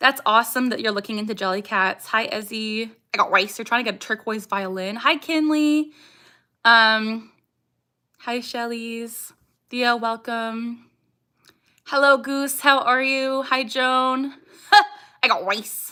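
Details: Young woman with Tourette syndrome whose speech is interrupted by her vocal tic "I got rice"; other vocal tics barking and "ha", motor tics facial grimacing and eye blinking; vocal tics.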